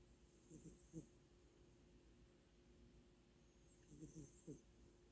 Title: Snoring Cat #short